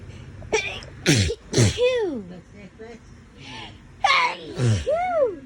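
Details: Adult with autumn allergies sneezes about four times in quick pairs, each a sharp burst with a voiced tail; allergic sneezing fit.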